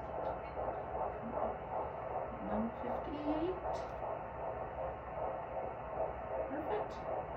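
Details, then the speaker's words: Fetal heartbeat of a baby girl on Doppler, heard for the first time in this pregnancy, after an earlier ultrasound. Rapid, regular whooshing pulses at about 158 beats a minute, recorded on a phone. "but this time i actually got to hear her heartbeat and gracie actually got a video of it on the phone so i'll pop that little clip in here"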